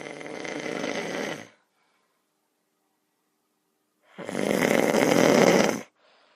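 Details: Person recorded asleep by a younger brother: two loud, rough snoring breaths separated by a silent pause of about two and a half seconds; heavy snoring.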